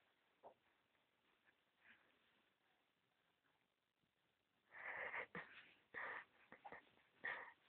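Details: Baby sneezing after being tickled with a cotton bud.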